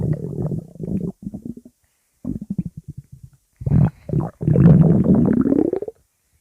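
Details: Pug stomach growling: low, gurgling rumbles in bursts with a rising, drawn-out growl at the end.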